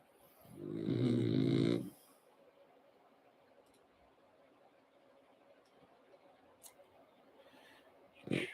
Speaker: you can probably hear the dog that's snoring